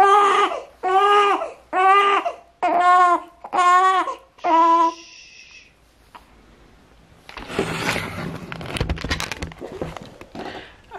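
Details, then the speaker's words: Newborn baby girl crying when she starts to get really hungry, before feeding: six rhythmic, evenly spaced wailing cries about a second apart, then rustling; infant hunger cry. "yeah this is when she cries summer this is when she starts to get really hungry"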